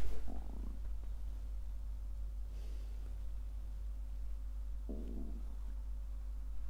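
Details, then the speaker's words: Two short bursts of low, gurgling stomach growling (borborygmi) over a steady low background hum, picked up by the microphone of a person during a live broadcast. "my stomach growling by the way sorry is my mic is right taste my stuff if you can hear that"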